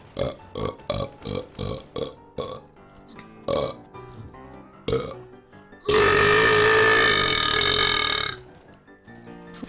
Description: Me just messing around and burping online in counter strike global offensive